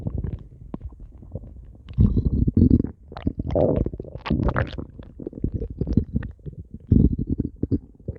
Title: stomach growling 8